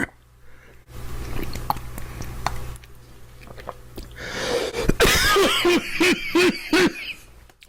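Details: Man coughing after drinking mango-orange juice: harsh throat-clearing rumble, then a run of about five quick, strained coughs in a small room.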